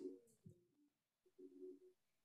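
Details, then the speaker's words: Low, gurgling rumbles in two bursts with a short pause; the speaker's stomach growling from hunger (borborygmi), after working out and not eating enough. "you hear that? That was my stomach. Oh. I definitely just like, my stomach just like, ugh."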